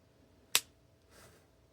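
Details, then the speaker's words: Simulated audible joint release: a single sharp crack from a life-size L4-L5 spinal manipulation model as rotational force gaps the facet joint via a simulated synovial fold; no synovial fluid, so no refractory period. "Here's a spinal manipulation model crafted to help in the education of joint gapping as an audible release is elicited upon rotational forces."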